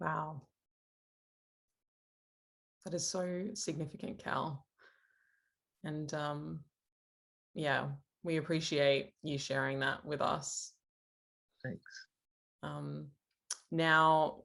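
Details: Adult speaker; no voice disorder.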